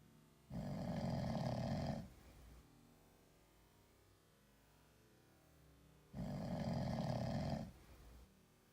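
Two long, loud, rattling snores about five seconds apart, deep and human-like, from a sleeping cat.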